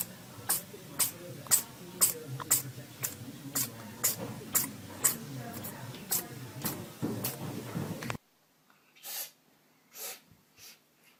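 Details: Cat with rapid, regular snorting nasal breaths, about two a second, then a few softer ones; noisy breathing through the nose.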